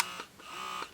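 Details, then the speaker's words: Quiet, steady electric buzz with soft rhythmic pulses from a Phanpy hands-free wearable electric breast pump in stimulation mode, levels two to three of eight, not too loud; breast pump running normally. "turn it on for you guys so that's how loud it is it's not too loud this is the stimulation mode on level two level three"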